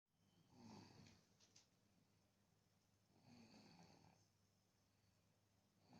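Soft, rattly snoring from an infant, two long noisy breaths in six seconds, with faint room noise.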